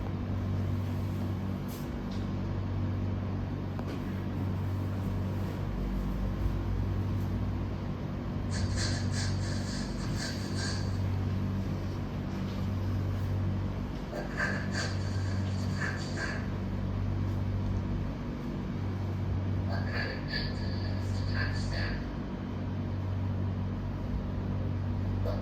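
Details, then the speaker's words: Simulation of sound input through a hearing aid for hearing loss: muffled, rumbling sound with faint intermittent tones, described as like a blurry radio. "Oke, suara tersebut seperti kok kayak suara radio buram ya, gitu ya."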